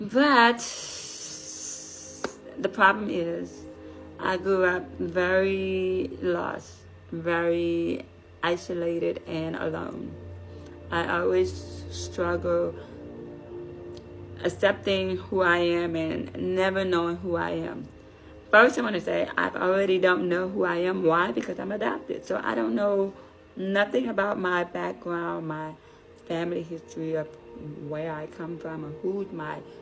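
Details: Deaf adult woman, deafness found at age five, learned to speak through speech therapy, raised without sign language; deaf speech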